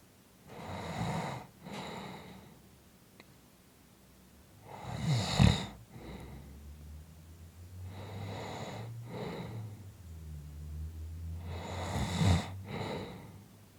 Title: 5 Minutes of snoring Audio